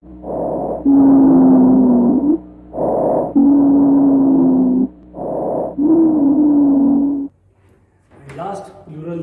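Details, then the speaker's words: Rhonchi on chest auscultation: long, low-pitched, snoring whistles on expiration in three breaths, from air passing through air passages narrowed by inflammation and oedema. "it creates a whistling sound this sounds are always low pish and present in AA"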